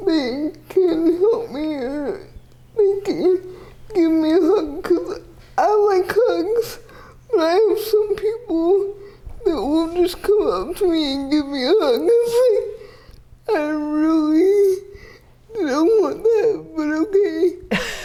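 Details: 30-year-old woman with GMFCS Level 4 cerebral palsy, quadriplegia with an athetoid component, using a power wheelchair; dysarthria (athetoid cerebral palsy).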